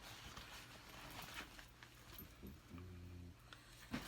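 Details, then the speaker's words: Dog snoring in a quiet indoor room: low, rumbling snores with one longer snore in the middle; snoring. "Can you hear Gus snoring? Oh."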